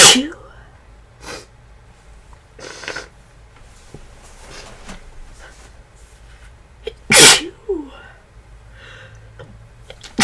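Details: Person feeling unwell and getting worse, with a tickly nose, described as feverish: two or three sharp, sudden sneezes, each after a quick breath in, with quieter breathing and sniffing between; repeated sneezing.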